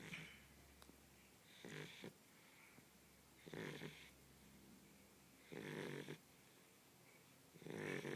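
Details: Small blue Shar Pei dog asleep: soft, rough snoring bursts about every two seconds, roughly 30 breaths a minute; snoring.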